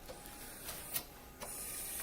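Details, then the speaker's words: Neonatal transport isolette ventilator keeps cycling with soft periodic hissing clicks while its exhalation valve outlet is deliberately occluded; the manometer needle holds steady, the baby is not ventilated, and no alarm sounds; ventilator cycling with occluded exhalation valve. "You can hear that your ventilator is running. It sounds like your baby's ventilating, but you'll notice that the needle is holding steady, and that's because the pressure is not being allowed to to offload from the system. So your baby's actually not being ventilated and the ventilator is without alarms."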